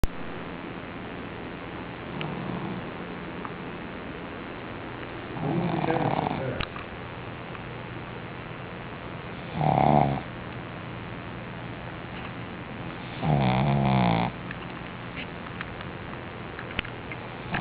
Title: Snoring Pug